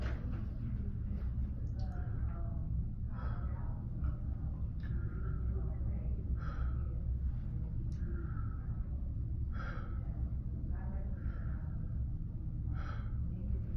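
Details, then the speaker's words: Normal clear lungs on stethoscope auscultation of the back during a head-to-toe assessment: repeated deep breaths, about six in fourteen seconds, over a steady low room rumble. "Okay, I'm gonna do the same thing in the front. Okay, lungs sounded clear."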